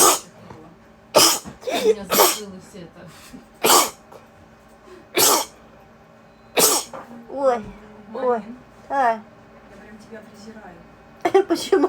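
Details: A run of about six sharp, explosive sneezes with voiced breaths between them: a bout of repeated sneezing.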